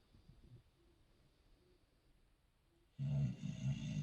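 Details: Quiet snuffling breaths, then loud rattling low snores from a sleeping bulldog: snoring.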